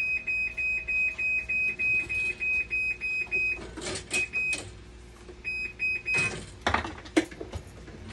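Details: Rapid repeating high-pitched electronic beeps, briefly interrupted by handling noises: alarm on dialysis machine 26, which was leaking water at the bottom during a vinegar rinse; the leak came from a cracked clear tube of valve 26, not the UF pump.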